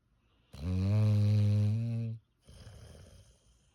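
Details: An English bulldog snoring loudly while asleep: one long, loud, low rumbling snore on the in-breath, then a softer rasping out-breath.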